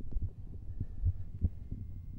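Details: Normal heart sounds heard by stethoscope during a demonstrated cardiovascular examination.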